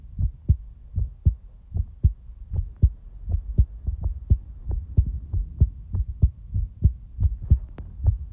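Steady, regular low thumping heartbeat at about 75 beats a minute.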